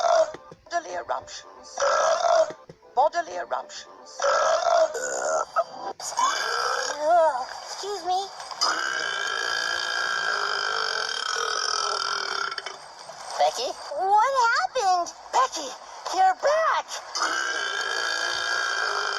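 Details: Several long, drawn-out, throaty burps in a row, over background music and some talk; burping.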